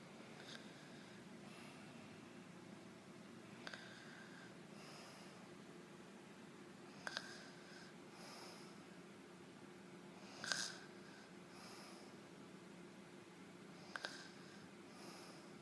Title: Snoring baby